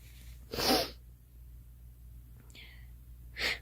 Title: Girl Sneezing 11